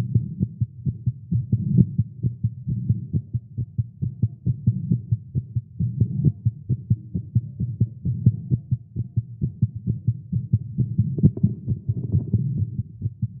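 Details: Male, exercising with caffeine; tagged irregular heartbeat. A rapid, somewhat uneven heartbeat near 130 beats a minute: a fast heartbeat.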